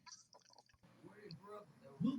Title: stomach growling 6